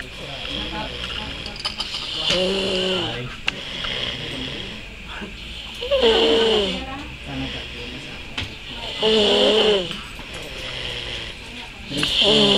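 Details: Snoring during sleep: loud, rattling, somewhat tonal snores about every three seconds, roughly 19 a minute, with faint room noise between them.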